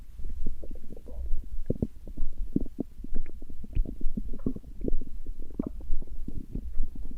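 Low irregular gurgles and bubbling rumbles over a quiet background hum, ordinary stomach growling.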